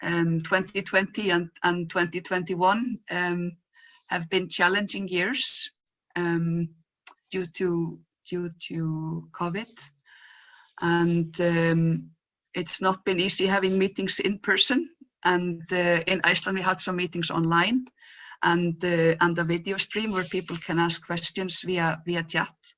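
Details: Adult woman who stutters and says her stutter is quite obvious today; stuttering.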